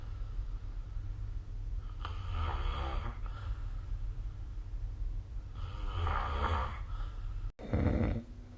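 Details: Three rough, rumbling inspiratory snores roughly every three to four seconds over a steady low room hum, recorded with a snore-recording phone app; ordinary snoring.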